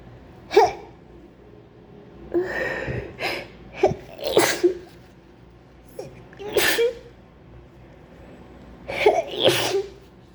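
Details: Acted sneezing fit, person describing a terrible flu: about seven wet sneezes, several with a gasping build-up first, despite trying to hold them in; sneezing.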